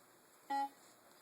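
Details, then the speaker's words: Single short tonal beep over quiet room hum from a Servo-i ventilator during its pre-use check, a prompt after unplugging the power cord; normal device alert. "Okay, please unplug power cord. And then I know that other beep is to plug it back in."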